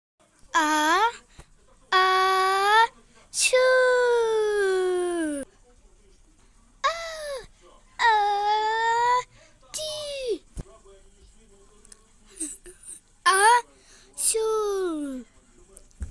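Repeated high-pitched, wavering wails in short bursts with pauses between, typical of an infant crying or fussing, in a quiet small room.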